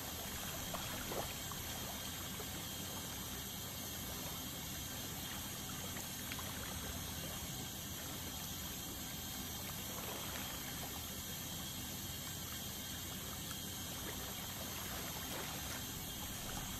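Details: Dental scaling to remove tartar: steady hiss and trickle of water spray with faint high scraping; ultrasonic dental scaler with water spray.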